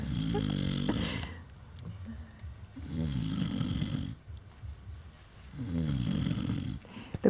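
Loud, low rattling snores on each inward breath, with quiet exhalations between; about three breaths in seven seconds. Ordinary heavy snoring.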